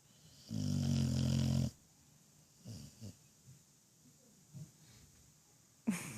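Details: Half-awake pit bull dog during a cuddle session: loud, rough, rumbling snore, then quiet breathing with small snuffles and a second snore starting; typical dog snoring.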